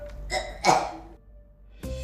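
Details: Girl with Tourette syndrome, diagnosed at age seven, with uncontrollable tics coming in threes, also a loud coughing tic; vocal tic (gagging sound).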